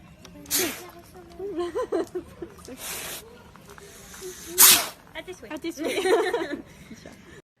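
Several sharp, hissing sneeze bursts, about four, with laughter and chatter between them: sneezing.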